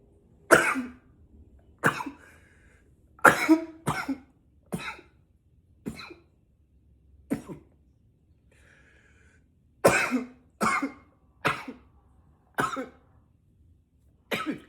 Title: 7 - intense coughs